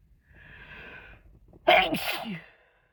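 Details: Adult sick with a cold, many sneezes self-induced; a breathy wind-up inhalation, then one loud, explosive sneeze.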